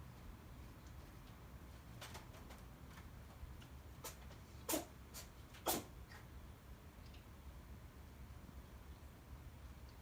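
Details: Norwegian Forest Cat sneezing after sniffing too much silvervine (matatabi) on a scratching post: two short, sharp sneezes amid quiet room noise, with a few faint snuffles before them.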